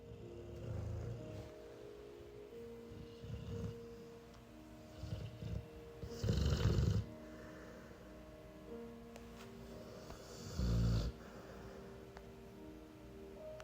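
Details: Pit bull dog snoring: deep, rumbling snores at uneven intervals over soft background music.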